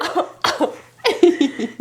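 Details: Voluntary attention-seeking cough from a 5-month-old baby girl; the parent says she is not sick and just learned it today. Three short, light, voiced playful coughs, not from illness.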